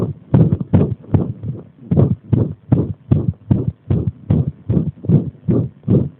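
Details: Irregular heartbeat (arrhythmia) brought on by pressing on the body: fast, thudding beats at roughly 140–150 a minute, with uneven spacing and varying loudness.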